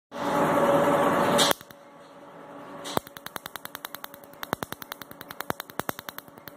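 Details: MedLite C6 Q-switched laser during tattoo removal: a brief loud burst, then a rapid series of sharp snapping clicks, about three per second, as the laser fires.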